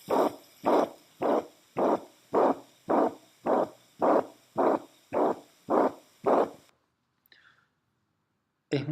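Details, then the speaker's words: Veterinary cardiac auscultation: holosystolic murmur, about ten loud, regular whooshing beats at roughly 107 per minute, a systolic murmur filling the whole of systole, then a brief voice. "lo que simplemente escuchamos un solo golpe de turbulencia de soplo y eso se debe a que es un soplo sistólico"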